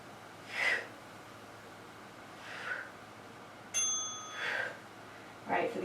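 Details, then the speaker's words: Several small, sharp, high-pitched sneezes from a baby in the background during a home upper-body workout, with a bell-like ding: infant sneeze. "You hear the baby sneeze? There we go."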